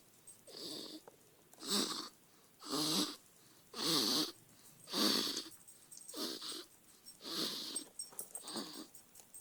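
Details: Sleeping baby snoring: regular noisy breaths, about a dozen in ten seconds, each with a hissing, whistly rasp.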